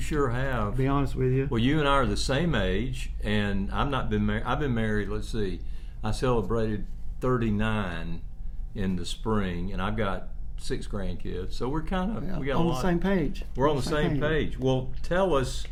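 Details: Adult male speaker; normal conversational speech.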